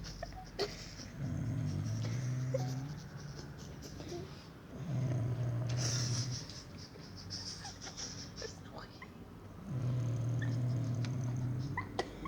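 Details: Father snoring: three long, deep rattling snores on inhalation about 4 seconds apart, roughly 15 breaths a minute, with quiet exhalations between; loud snoring.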